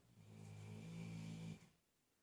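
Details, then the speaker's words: Pet dog snoring in the room during a painting session: a single low, droning snore lasting about a second and a half, fading into quiet room noise. Snoring. "The snoring is my dogs."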